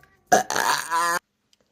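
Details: Burp: one long, low, rumbling voiced belch of about a second.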